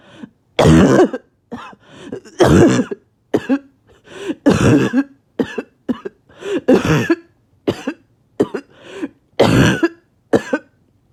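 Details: Barking cough that has kept the person from sleeping for about 2 days: repeated rough, hoarse cough bursts in close runs, about thirty a minute.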